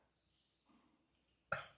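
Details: Quiet room, a brief murmur, then one abrupt cough, during a hand reflexology massage demonstration meant to treat a phlegmy cough; the wet quality of this single cough can't be confirmed.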